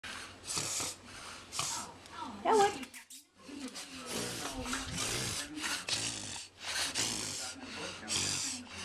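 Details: Five-month-old English bulldog puppy, a brachycephalic breed, in a reverse sneezing episode (inspiratory paroxysmal respiration): rapid, repeated loud forced snorting inhalations through the nose.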